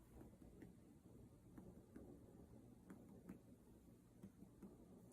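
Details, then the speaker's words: Student nurse percusses all four abdominal quadrants: soft, hollow finger taps giving the normal tympanic note of gas-filled bowel, with dullness expected over the liver. "I would expect to hear dullness over the liver um and timpani everywhere else okay so we'll percuss"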